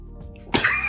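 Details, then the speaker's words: Simulated exploding head syndrome, described as loud, scary auditory hallucinations right before sleep, recreated by someone who used to have it: quiet low hum broken by a sudden loud crash-like burst. "basically what that is that you have these auditory hallucinations right before you go to sleep, and you hear really loud and scary noises, and I'm making this video to show you what it's like."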